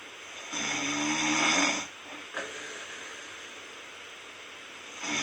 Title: myself snoring 😴, no good